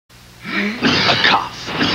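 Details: Acted adult cough from a 1991 cough medicine TV commercial: a brief voiced strain followed by a few harsh, noisy coughing bursts.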